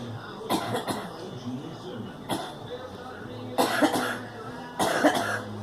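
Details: Coughing woman: about four separate coughing bursts, some doubled, with throat clearing between them.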